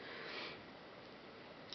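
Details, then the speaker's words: Adult whose allergies are acting up badly, barely able to breathe, with itchy eyes: a single quiet, brief nasal sniff in a small room; sniffling. "ng and I'm also as you can hear from almost sniffling and sneezing potentially um my allergies have been acting up incredibly much recently I'm barely able to breathe"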